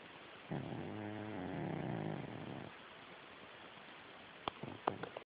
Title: My cat snores!